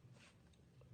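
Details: Tracheoesophageal voice in a man after total laryngectomy, speaking through a one-way voice prosthesis between airway and oesophagus by blocking his stoma so air vibrates the throat tissues.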